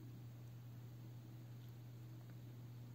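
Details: Philips Respironics DreamStation CPAP running at reduced ramp start pressure, set to about 5, ramping up over about 15 minutes: steady, quiet low hum and soft airflow hiss.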